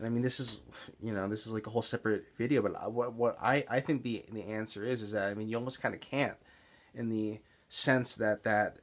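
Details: Adult man with Tourette's syndrome and stuttering, mainly speech blocks seen as excess or mid-sentence pausing, especially on words beginning with S; stuttering.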